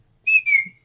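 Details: Vocal tic (whistle) heard mid-sentence in an adult man with Tourette's diagnosed suddenly in his mid-twenties, whose vocal tics occur throughout the conversation.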